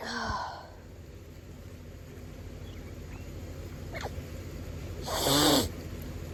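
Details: Two sneeze-like bursts, one at the start and a louder one near the end, over quiet room noise; intense allergic sneezing from hay fever while resting in bed.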